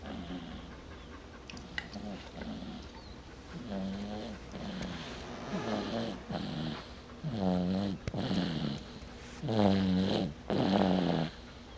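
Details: Rhythmic, buzzy, rattling snores on each breath, gradually louder, about one every second or two, recorded October 11: snoring.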